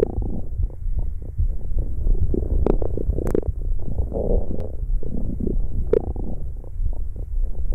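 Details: Stomach growling (borborygmi): continuous low gurgling and rumbling with bubbling pops from the belly, recorded as ASMR.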